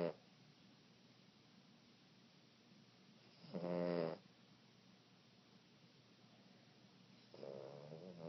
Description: Cute Boston Terrier Puppy Dog Snoring.